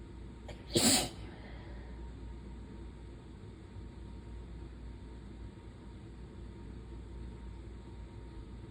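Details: Relentless hay fever sneezes from a sneezer who has lost their voice and is tired: one loud, sharp sneeze over steady background hum.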